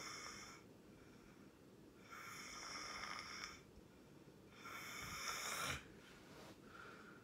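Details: Person recorded sleeping, loud snoring: repeated hissing, rasping snores every few seconds with quiet gaps between them.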